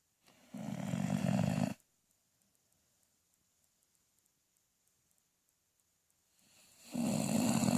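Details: Sister snoring: two long, low rattling snores on breathing in, separated by a quiet pause of about five seconds.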